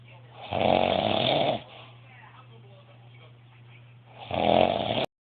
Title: snoring like crazy